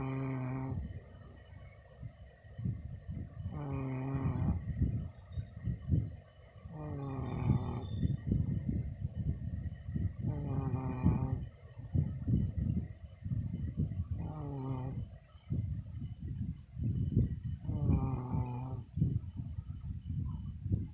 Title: MY WIFE SNORING/SLEEPING 04/25/21